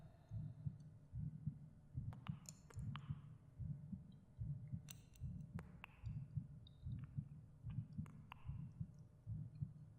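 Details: The creator's own heartbeat recorded in a binaural ASMR meditation: soft, regular low thumps at about 74 a minute, with breathing, faint clicks, rustles and gentle echoes; a normal heartbeat.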